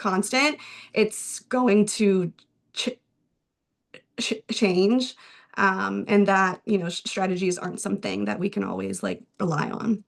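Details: Adult male speech-language pathologist who stutters, speaking spontaneously on a panel; stuttering with audible word repetitions.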